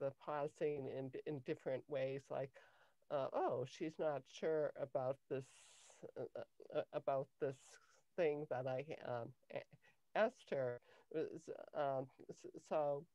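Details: Adult woman with cluttering since age 5; cluttering.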